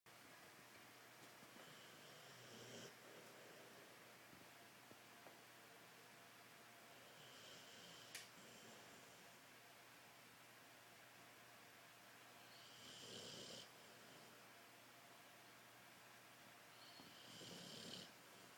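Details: Boxer dog snoring while asleep: soft, rough snoring breaths recurring about every five seconds over a quiet room hiss.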